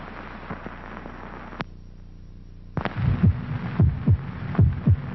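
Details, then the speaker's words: Regular low paired thumps at about 75 a minute after a quiet gap, a human heartbeat from a 1948 television commercial stated as 72 beats a minute; ordinary-sounding normal heartbeat. "This is the sound of a human heart. It will beat 72 times in this minute."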